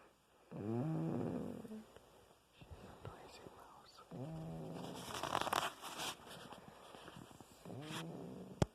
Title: My little mouse snoring